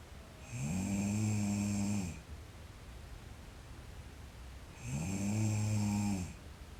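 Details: Two long, rattling, droning snores on the in-breath with quiet out-breaths between from a sleeping girl; ordinary snoring in sleep.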